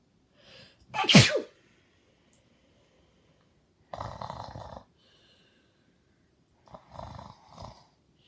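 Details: Cartoon character with a cold giving a loud sneeze followed by two shorter sneezy bursts; repeated sneezing.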